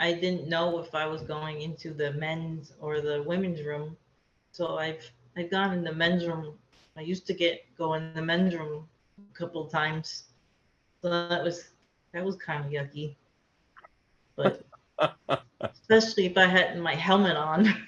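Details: Aphasia in an adult woman after a hemorrhagic stroke, affecting speaking, understanding, reading, writing and numbers; she could not talk for two years after the stroke and still has word-finding difficulty.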